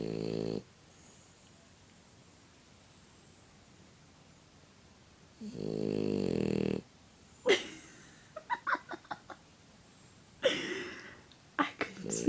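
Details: Dog asleep with eyes open: breaths carry a throaty, fluttering rattle, snoring, with some clicks and small noises in a quiet room.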